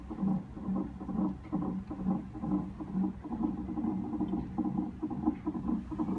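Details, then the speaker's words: Fetal heartbeat recorded by Doppler in an Emergency Department while the mother was attached to many monitors; rapid, rhythmic whooshing pulses at about 133 beats a minute. "这是孩子的妈咪，正饱受着众多仪器，这是他的心跳声。"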